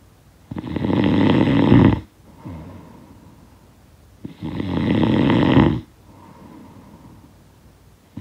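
Two loud, rattling snores on breathing in, with quieter breaths out, about 15 breaths a minute; sound-effect recording of snoring.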